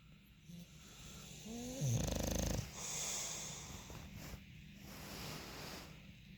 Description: Monty is a bulldog that loves to sleep and snore loudly, but he's so cute!